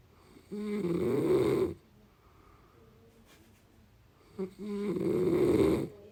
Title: পাগলের নাক ডাকা | Snoring